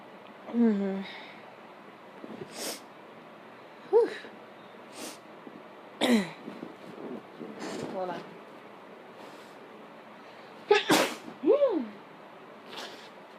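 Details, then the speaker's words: Sneezing deliberately induced by sniffing pepper: several sharp, explosive sneeze bursts with sniffs and short vocal sounds between them, in a small room. "so um I am sniffing pepper while trying to uh do some sneezes that one was kind of messy"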